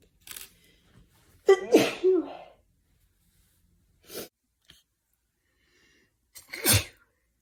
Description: This video includes some stifled and mostly unstifled sneezes.